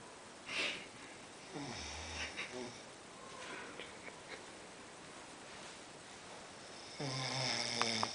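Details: Noisy snorting breaths and a buzzing snore at the end against steady room hiss, from a sleeper who snores all night; snoring.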